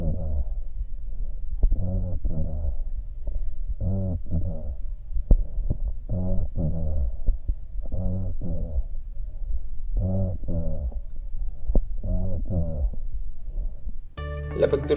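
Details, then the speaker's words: Bronchophony over consolidation or atelectasis, where the full range of voice frequencies is transmitted: repeated two-syllable spoken words come through the chest loudly and clearly, though muffled, about one every two seconds. Music starts at the end. "bronco ponía en condensación la tel estancia se transmite todo el espectro de frecuencias y la voz ausculta con claridad"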